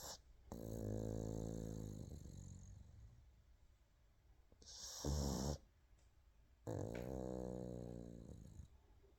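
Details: Pug sleeping with head resting on paw: long, low rattling snores on each breath, with a short snort between; loud snoring in a flat-faced dog.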